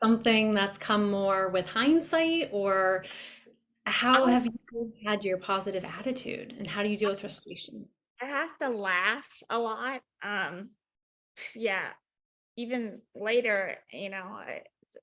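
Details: Woman about 4 years after a 2019 ruptured brain aneurysm with intracranial and subarachnoid hemorrhages that initially left her unable to speak, followed by 5 brain surgeries in 7 weeks; aphasia with apraxia of speech.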